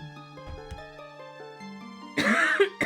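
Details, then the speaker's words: Single rough cough with throat clearing over video game music during a gaming stream; the speaker says they feel better but still have some congestion and have been coughing. "I'm feeling like better, but again, it's still, as you can hear by my coughing."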